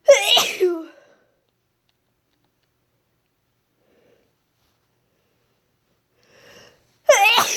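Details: Two sharp voiced sneezes with a long silent gap and a faint sniff before the second; deliberately induced sneezes after months without inducing.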